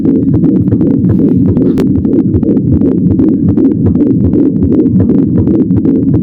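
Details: Rapid whooshing pulsations around 150–160 a minute recorded with a table-type fetal Doppler, consistent with fetal heart sounds.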